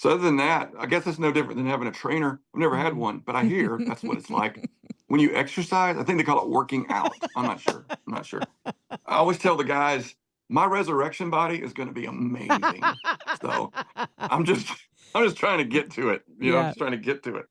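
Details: Adult male singer with spasmodic dysphonia, worse when talking than singing, voice goes gravelly at times, voice therapist works on his neck before concerts, prior cancer diagnosis and treatment; spasmodic dysphonia.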